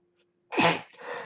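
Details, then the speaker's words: A single sharp sneeze from an adult during a math lesson: a quick intake, then an explosive burst with a brief tail, in a quiet room; sneeze. "À distance. Ça m'a fait éternuer aussi."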